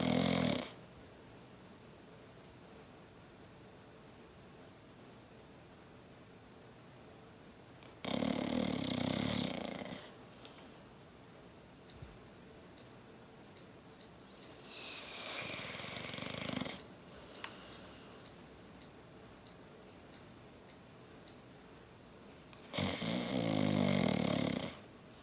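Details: A sleeping pet dog snores in slow, rough bursts, about four snores in 25 seconds, with quiet pauses between.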